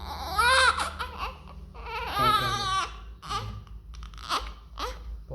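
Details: Newborn baby right after birth, apparently by operation (surgical delivery): short, high-pitched wailing cries in bursts with breaths between in a quiet room; vigorous first cry, a healthy sign.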